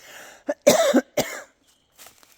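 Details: Adult with allergies coughing outdoors in chilly air while working and breathing hard, saying it bothers the lungs: two harsh, forceful coughs with a short throat-clearing sound.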